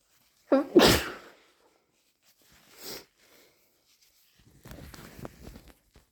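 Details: Forceful sneeze, induced to relieve congestion during a cold with stuffy nose, sore throat, headache and dry cough, followed by a softer breath and noisy nose blowing.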